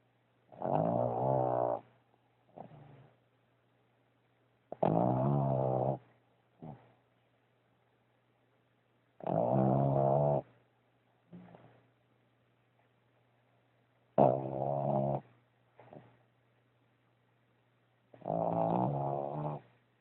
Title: Spike Snoring